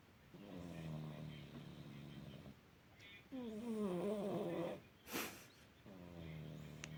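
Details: Domestic cat sleeping with its head down, snoring loudly through the house: soft, buzzing snores with a purr-like flutter, slow and uneven, and a brief sharp noise between breaths.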